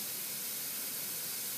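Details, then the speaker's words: Steady continuous hiss of gas through nasal prongs as flow is increased to raise nasal CPAP pressure toward a target of about 5 cm H2O on a SiPAP neonatal ventilator, demonstrated on a mannequin; normal nasal CPAP flow sound. "now I'm going to fine-tune my level of CPAP with my flow all right so by increasing the flow I can bring up my CPAP pressures to what I want to have delivered for my patient"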